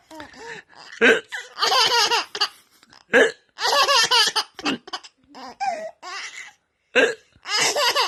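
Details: An adult man (the father) hiccups about three times, sudden and sharp, and each hiccup is followed by a baby's loud belly laughter.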